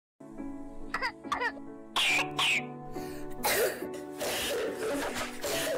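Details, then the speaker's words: Croup, a barking cough linked to airway swelling with breathing difficulty and voice-box involvement: several harsh, barking coughs in quick bursts over background music. "उसे उससे जो आवाज़ आता है भूख ने जैसा इसलिए इसको रोकने वाली खांसी का जाती है अभी हम इसका साउंड सुनते हैं"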